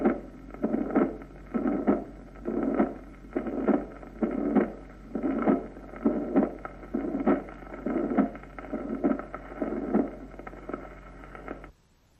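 Regular heartbeat near 66 a minute with a blowing murmur filling systole, typical of mitral regurgitation.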